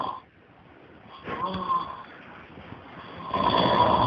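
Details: Person snoring during sleep: rough, fluttering breathing noises with a louder rattling stretch at the end.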